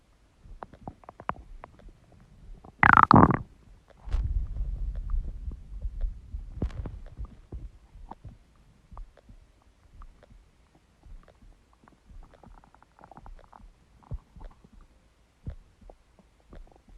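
A short squeak, then a low rolling gurgle lasting a few seconds, among quiet rustling: stomach growling from an empty stomach.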